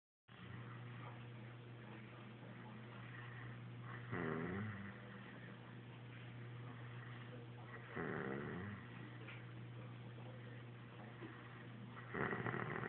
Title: He swears he does not snore!!! I have proof!